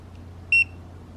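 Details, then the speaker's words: Portable BladGo bladder ultrasound scanner powering on when the power button is held: a single short, high electronic beep over faint room hum. "so the first thing that we're going to do is turn it on it using the power button this you just hold"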